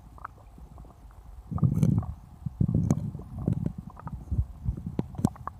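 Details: Stomach growling recorded after drinking cola: deep gurgles and rolling rumbles with scattered pops, ordinary bowel sounds (borborygmi).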